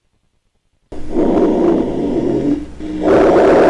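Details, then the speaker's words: Rhonchi: low-pitched, rumbling, snore-like continuous sounds through two breaths, louder on the second phase. "silbido del aire al pasar por una indie dura se hacen en todo el tórax y a veces son escuchados a distancia son movibles y cambiantes aparecen en los dos tiempos respiratorios"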